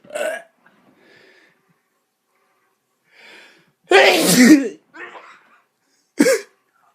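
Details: Several short, sharp bursts of air separated by quiet gaps, with one loud harsh burst; repeated sneezing.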